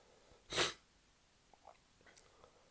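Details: Sneeze while drunk: one loud, sharp sneeze, then quiet sniffs and small noises; a single sneeze rather than a repeated fit.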